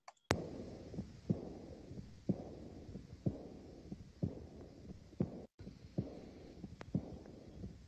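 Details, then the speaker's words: Teaching clip from a CCU patient case in valvulopathy lecture: regular heartbeat near 60/min, each beat trailed by a fading blowing diastolic murmur; aortic regurgitation murmur. "so yeah this is this is a diastolic murmur so um let's actually talk about this murmur is going on here so this is really the murmur of aortic regurgi"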